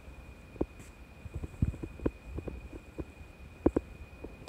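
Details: Scattered soft gurgles and clicks from the owner's stomach, recorded with her cat on day 84 of Mutian injection treatment for FIP; ordinary bowel sounds (borborygmi).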